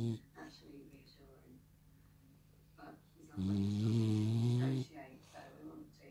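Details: French Bulldog asleep on a lap with eyes open, dreaming: soft snuffling breaths and faint whimpers, then one long loud rumbling snore on an in-breath.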